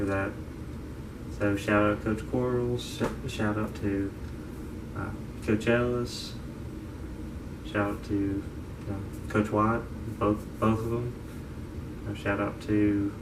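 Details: 22-year-old man diagnosed with childhood apraxia of speech at age five, affecting motor speech and fine motor skills; he reports pausing, stuttering and using wrong words; childhood apraxia of speech.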